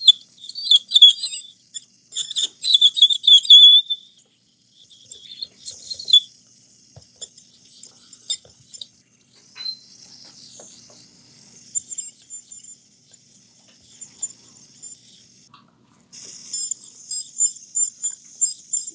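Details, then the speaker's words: Ultrasonic scaler on back teeth of a patient with braces and bleeding gums, during cleaning by an orthodontist: high-pitched buzzing and squealing in short repeated bursts; ASMR recording. "All right, so we're gonna start with the back here. Right, so we're gonna continue scaling your teeth, okay?"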